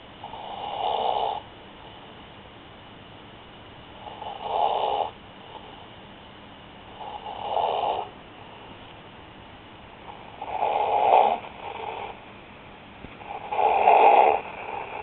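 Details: Snoring: loud rattling snores on each breath in, roughly every three seconds, about 20 a minute, with quiet pauses between.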